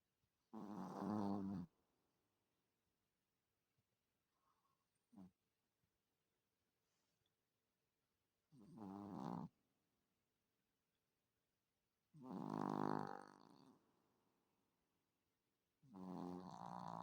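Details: Small sleeping chihuahua weighing 3 kg: rattling, buzzing breath sounds recurring every few seconds, about 14 a minute, in a quiet room; dog snoring.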